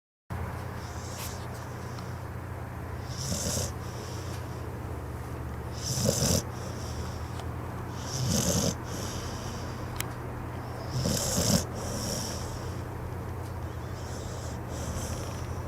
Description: This adorable pit bull snores while he takes a nap on the couch.